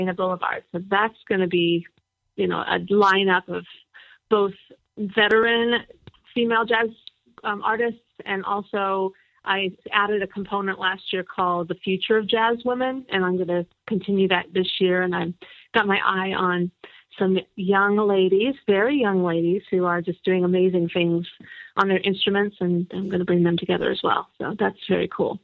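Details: Adult woman speaking, telephone-quality audio; normal voice.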